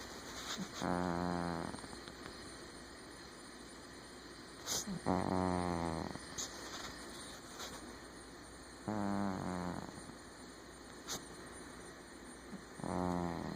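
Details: Four rhythmic rattling snores on each breath in, about 15 breaths a minute, over a steady hum: a cat snoring in sleep.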